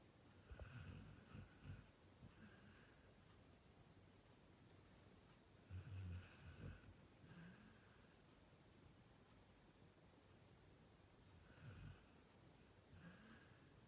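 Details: Retriever-mix dog snoring in sleep, recorded around 2018: soft, low snores with a snort on each breath in, about three slow, restful breaths in fourteen seconds.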